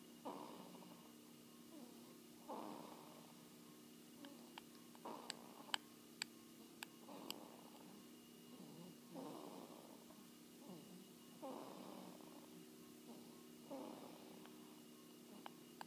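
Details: Snoring softly and rhythmically with regular rasping breaths, about 26 a minute, over faint room hum and occasional clicks.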